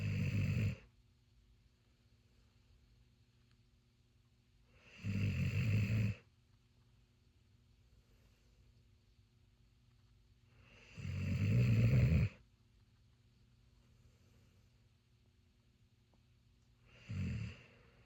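Loud, rough snores on each breath, about 10 a minute, separated by long quiet gaps; slow sleep breathing.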